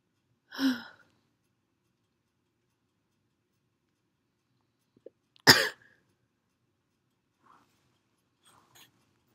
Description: ugh im so happy i found this perfume but not happy at how stuck the last sneeze was ): the tickle died down but man this stuff kills me.